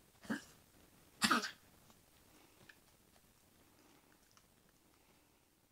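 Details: Dog coughing: two brief, sharp coughs, the second louder, followed by quiet room noise. Cough.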